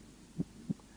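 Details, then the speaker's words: Heart auscultation demonstration: a single lub-dub pair of low, dull thumps against faint hum, normal first and second heart sounds; at the base the second (diastolic) tone, from semilunar valve closure, is normally louder. "первый тон второй в норме у основания сердца второй тон громче первого второй диастолический тон возникает в результате захлопывания и колебаний полулунных клапанов аорты и лёгочной артерии"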